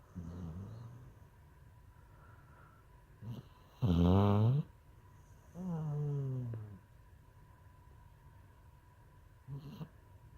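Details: Snoring after getting fixed (neutering/spaying): slow, low rumbling nasal breaths with a few deeper grunting snores during sleep.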